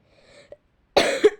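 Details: Girl who is ill and apologizes for her coughing: a single short, harsh cough burst after a brief quiet moment.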